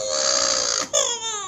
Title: Crying baby